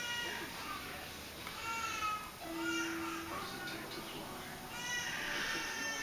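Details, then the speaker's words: Muffled, wavering infant cries from another room, rising and falling over several seconds against quiet room noise; a baby crying. "Man, he is crying in there."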